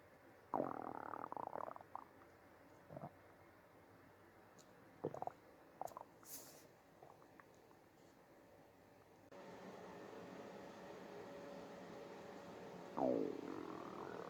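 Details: Soft gurgling and rumbling bursts over low room noise, bowel sounds of a woman's growling stomach.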